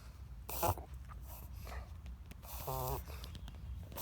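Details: Dog's near-daily bouts, sometimes lasting multiple minutes and always ending in a large burp, cause unknown to owner: noisy snorting breaths, one with a brief high squeaky whistle, consistent with wheezing.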